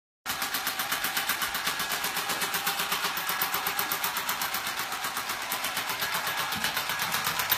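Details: Extracorporeal shockwave therapy (ESWT) on a horse; rapid, regular sharp clicking pulses, about four a second.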